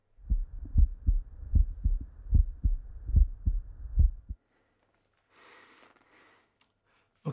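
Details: Regular heart sounds at about 75 beats a minute, heard by stethoscope over the aortic area while the neck pulse is felt, followed by brief handling noise.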